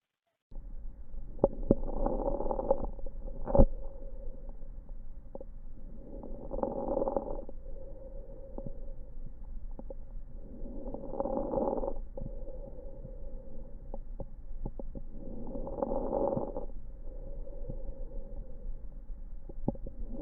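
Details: Idiopathic pulmonary fibrosis lung sounds sample: slow breathing with scattered sharp fine crackles.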